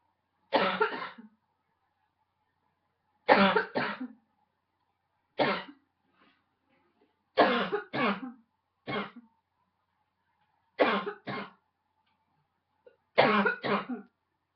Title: Barking cough - # 10